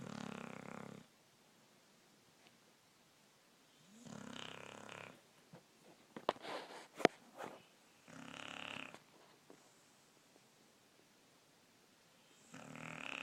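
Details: A 12-year-old Wheaten Terrier sound asleep and snoring loudly: rasping snores about every four seconds, with soft snorting and lip smacks between them.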